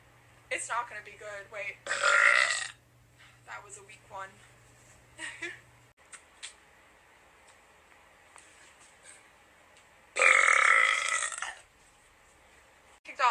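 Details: Person burping on request during a live stream: several loud, drawn-out burps between bits of voice, with two long rumbling belches standing out; repeated belching.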